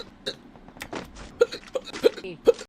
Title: CAN'T STOP HIS HICCUPS🤣🤣